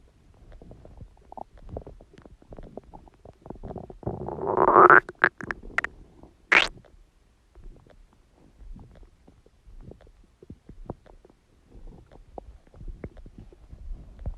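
Irregular gurgles and clicks with a louder rumbling squeal midway; ordinary stomach growling from gas and fluid moving through the gut.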